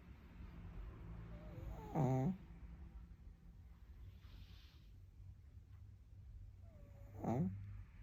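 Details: A pug, a small dog, sleeping and snoring: two loud fluttering snores about five seconds apart over quiet room noise.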